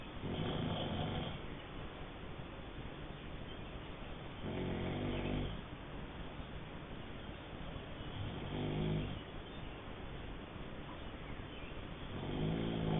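Low, rattling snores on each breath in, roughly four in thirteen seconds, about 18 breaths a minute, over steady room hiss. Snoring.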